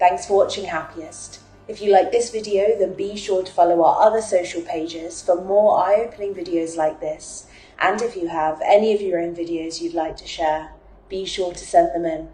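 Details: Adult female narrator; ordinary speech.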